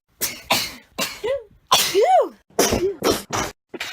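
A rapid run of sharp, explosive bursts, some ending in a rising-falling voiced squeal; a string of sneezes or sneeze-like coughs.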